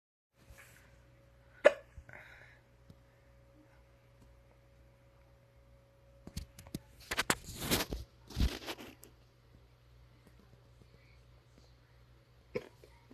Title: to get Hiccups